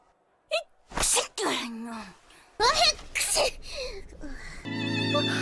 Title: Anime Sneeze Compilation Part 7